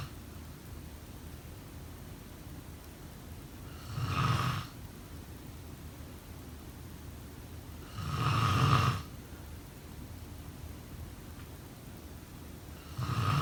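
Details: Sleep snoring: low, rough snores repeating roughly every four seconds, about 14 a minute, against steady room hiss; snoring.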